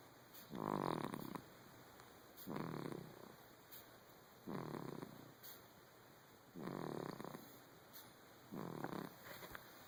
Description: My sister's baby snoring